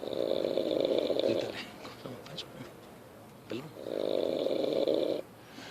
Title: Roncando en FA! (Los Tomatitos)